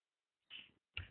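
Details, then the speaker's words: Two brief gurgling clicks heard on abdominal auscultation of a supine patient, with the abdomen exposed and the examiner at the patient's right: normal bowel sounds of healthy bowel function. "these sounds of healthy bowel function"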